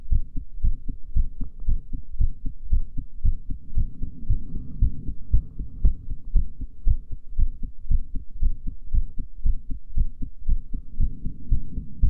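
Regular low heartbeat thumps at about 115 beats a minute, a quick but normal rhythm heard after a breath hold.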